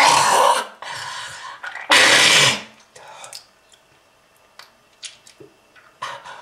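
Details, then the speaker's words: Acted smoker's cough portraying lung disease from smoking: heavy, harsh bursts of coughing with gasps between them. "if you want this to happen to you just keep smoking this is lung disease"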